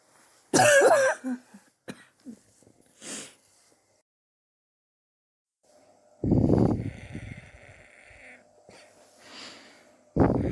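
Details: Sore adult coughing over several weeks, X-ray pending to check for pneumonia: harsh cough with strained high edge, smaller throat sounds, then second and third coughs; suspected bronchitis.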